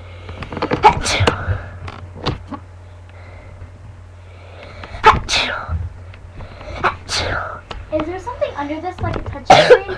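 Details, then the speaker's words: Real, not faked, repeated sneezing recorded on a webcam: about four sharp, explosive sneezes separated by quieter breathing and faint talk over a steady low room hum. "keeps sneezing. Sorry, it's a real one. That was a funny sneeze."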